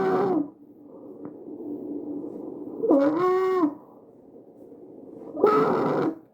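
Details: Tracheal stridor from a narrowed upper airway: loud, high-pitched musical noise with each breath, about 23 breaths a minute.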